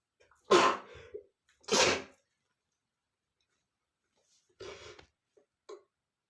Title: male sneezing #38 ( there's so much dust that makes me want to sneeze)